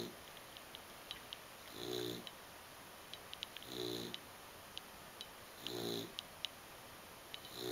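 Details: Soft buzzing snores about every two seconds, four in the clip, with faint clicks between, from a sleeping foster brother keeping another awake; snoring.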